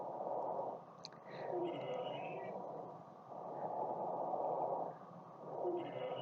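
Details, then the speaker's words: Abnormal wheeze played as an example in a Taiwanese clinic's talk on post-COVID cough and breathlessness. Noisy breaths in and out with high musical whistling tones. "这是一个异常的喘鸣声，这个是细小的肺泡发炎的声音，这是上呼吸道阻塞的一个喘鸣声，这个是气管有窄小的声音，"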